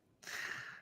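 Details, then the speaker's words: Dog having a sneezing fit: repeated sneezes heard over people chatting during a livestream. "Like you you okay? My dog just had a sneezing fit."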